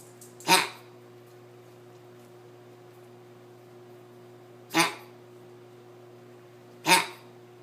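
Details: A dog gives three harsh, abrupt bursts of dry, hacking cough; the owner suspects kennel cough.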